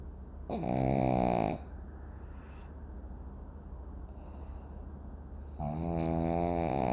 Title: Milo Sleeping thug life! #dog snoring #pug